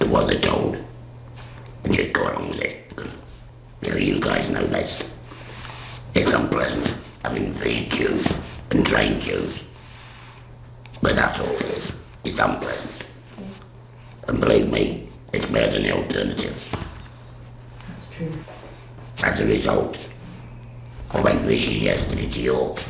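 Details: Adult woman after total laryngectomy, speaking through a voice device/valve; alaryngeal speech after total laryngectomy.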